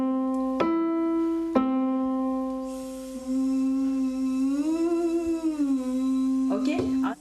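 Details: Adult woman with Reinke's edema of the vocal folds diagnosed by ENTs, doing a straw phonation breath exercise in speech therapy, set up by a phoniatrician, at the keyboard to widen her vocal range; straw phonation voice therapy exercise (Reinke's edema).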